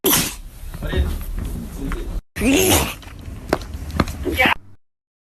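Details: Man sneezing: two loud, abrupt bursts of air, each ending in a sharp release, with snorting noises in between.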